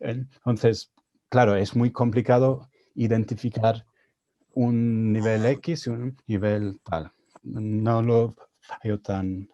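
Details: Adult man with real stuttering speaking Spanish, his second language, learned after moving to Spain at 22; he reports his stuttering was more severe in Spanish while learning it; stuttering.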